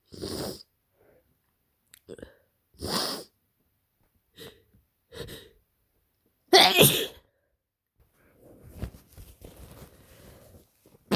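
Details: Adult kindergarten worker with their worst cold so far, which began with a scratchy throat and headache: six forceful sneezes in a row, each a sharp explosive burst with short pauses, then sniffling breaths.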